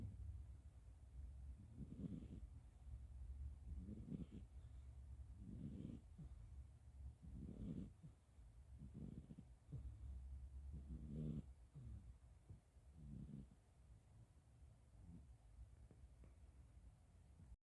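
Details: Soft, low rumbling snores about every two seconds, roughly 30 a minute, over a quiet background hum; light snoring.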